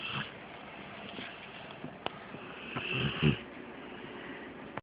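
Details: Faint, soft snores from a sleeping Rottweiler/Pit Bull mix female dog, mouth slightly ajar, recorded on a phone under steady room hiss; lifelong snoring, no medical condition per owner.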